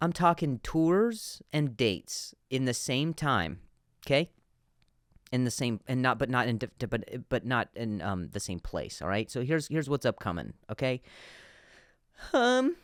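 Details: Adult male comedian who stutters, with word and phrase repetitions: stuttering.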